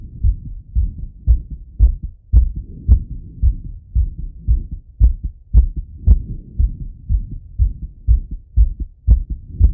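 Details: Strong, regular two-part heartbeat at about 110–115 beats a minute, heard through a stethoscope as an adult male auscultates his own heart after a workout set: normal heart sounds after exercise.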